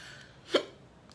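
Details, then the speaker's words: Adult woman who says she always gets the hiccups, talking during a makeup livestream: a single abrupt, sharp, involuntary vocal catch in a quiet room, a hiccup. "man i'm sorry i like always get the hiccups [Music] it never fails i always get the hiccups"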